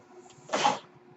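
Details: Ventilator noise during the male podcast host's speech, which he says comes from his own ventilator: a real mechanical ventilator breath cycle.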